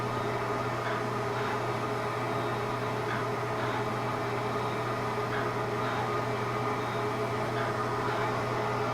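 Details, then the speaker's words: Fractional CO2 (dot therapy) laser resurfacing of an adult patient's neck, applied in a systematic slightly overlapping pattern: steady machine hum with faint repeated soft pulses over room noise. "Same systematic pattern that we do. A little overlap, but basically we're just trying to cover all the skin."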